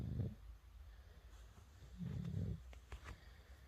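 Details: 9-month-old infant asleep, giving soft, low, rattling snores: two noisy breaths over a faint room background. Infant snoring.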